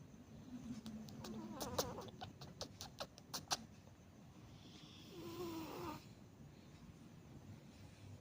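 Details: Domestic cat asleep: soft, rattling snores with clicky fluttering bursts and a longer snort-like breath; ordinary snoring.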